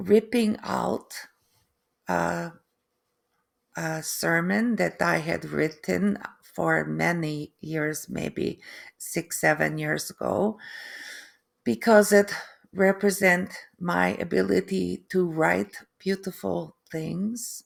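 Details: Adult woman with post-stroke aphasia and apraxia of speech, plus foreign accent syndrome that began three months after the stroke; difficulty putting sentences together and unable to write; foreign accent syndrome with aphasia and apraxia of speech.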